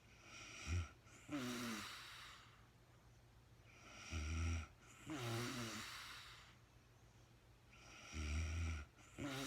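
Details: Real-time recording of a woman snoring during a night's sleep, no talking: rough, low snores on breathing in with softer breathing out, about 16 breaths a minute, somewhat irregular.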